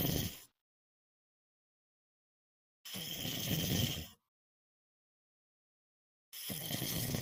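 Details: Night-time sleep snoring: rough, rumbling breaths separated by quiet pauses of about two to three seconds.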